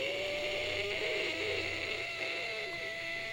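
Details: Diplophonia during high-pitch phonation on stroboscopy: a vocal fold polyp divides the vocal cord vibration into two segments, producing two simultaneous pitches.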